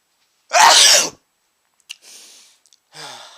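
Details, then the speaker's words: Adult sneezing repeatedly after sniffing a powder (chhinkni) into the nose, eyes watering: a single loud, explosive sneeze followed by sniffing and breathing noises; sneeze. "oh I got a whole bunch of [ __ ] in my nose and it's really making me sneeze oh that was gigantic"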